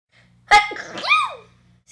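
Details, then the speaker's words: Woman's sneeze: a quick intake followed by one bright, voiced sneeze trailing off with a rising-falling vocal tail. "sorry I'm allergic to Psychopaths you have a really sexy sneeze I don't really understand how it's possible for a sneeze to be sexy in the first place"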